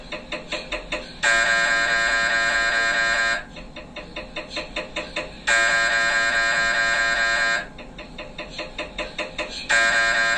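Loud repeating electronic buzzing tones alternating with rapid knocking pulses; typical MRI scanner noise during imaging sequences.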